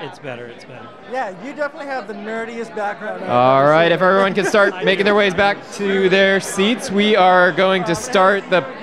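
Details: Adult man speaking; normal voice.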